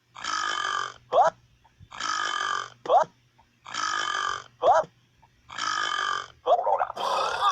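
Four long, loud, drawn-out belches, each followed by a short voiced sound, then a final burst; repeated burping.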